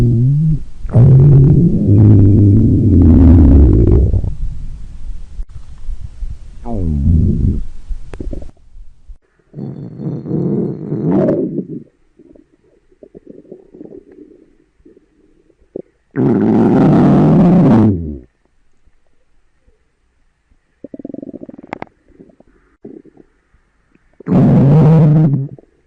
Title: Uniform Girls' Stomach Growling (Request)